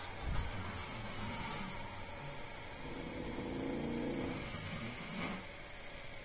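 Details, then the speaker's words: Two friends snore very loudly: low, rough, rumbling breathing in a noisy room, with a loud vibrating snore rising mid-clip. "and these two motherfuckers is snoring like crazy."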